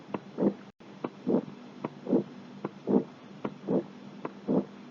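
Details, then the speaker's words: Heart murmur heard on cardiovascular auscultation: a regular heartbeat near 74 per minute, each beat carrying a longer rough whooshing sound. "Jadi kita dengarkan dengan baik murmur jantungnya, kemudian kita deskripsikan bagaimana bunyi murmur tersebut."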